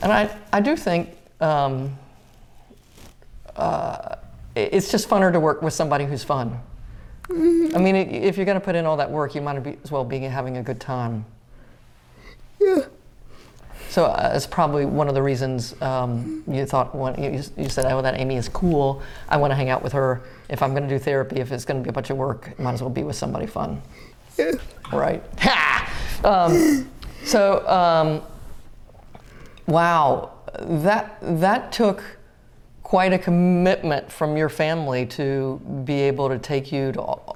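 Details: Adult speaker in a small room; normal conversational speech.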